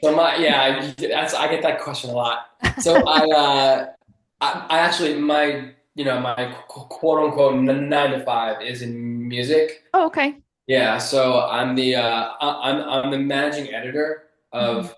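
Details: Adult man who has stuttered since childhood and still stutters; stuttering.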